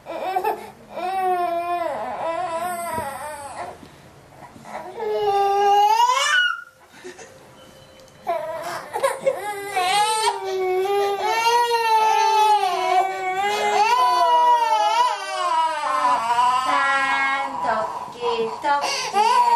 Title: baby crying 😄